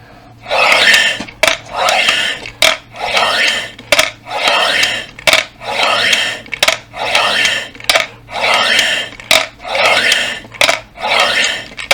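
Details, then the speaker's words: Adult using an incentive spirometer (three-ball breathing exercise device) after recent illness: repeated forceful hissing blows about 46 a minute, each with a short sharp click, raising all three balls and holding them up; lung exercise. "yani Yaşlı insanlar bile hedefi üç gününde yukarı çıkması yani üçü de gördüğünüz gibi üçü de yukarı çıkıyor yukarı çıktığınız zaman biraz daha üflemeye devam ederek biraz Orada kalsın"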